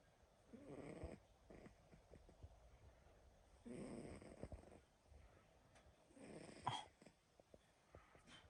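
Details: Three rough, rumbling snores during sleep come on the in-breaths, evenly spaced about three seconds apart, with quiet breathing between them.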